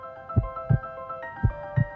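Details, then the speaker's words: Heartbeat heard through a smart digital stethoscope in heart mode during a live demo, two clear steady regular lub-dub sounds at about 56 a minute over soft background music; normal heart sounds. "अभी आपकी heart beat सुन रही है। Heart beat है और अब मैं बात कर रहा हूं।"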